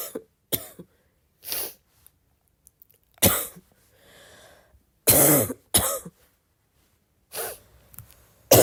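About eight short, harsh coughs and throat clears with pauses between; a plain repeated adult cough.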